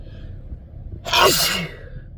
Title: Spring sneeze compilation